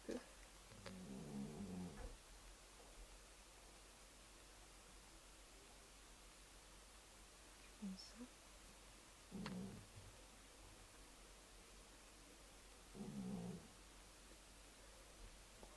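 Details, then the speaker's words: Cat with rhinitis having difficulty breathing, heard in the background: low, rough snoring sounds on several breaths from nasal congestion. "Si vous entendez ronfler, c'est rien. C'est pas important. En fait, c'est mon chat. Il a une rhinite et donc il a du mal à respirer."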